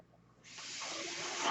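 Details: Real recording of a podcaster's own mechanical ventilator audible while he talks: a quiet moment, then a steady rising airy hiss as air is pushed through the circuit during a delivered breath.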